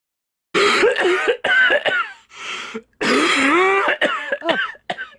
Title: *LOUD COUGHING NOISES*